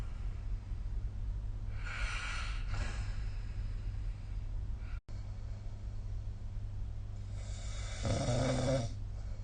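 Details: Snoring sound recorded with the SnoreLab snore-recording app during sleep.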